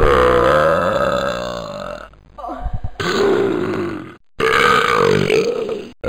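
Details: Compiled burp sound effects: loud, prolonged, deep voiced belches, one long belch and a second after a brief pause.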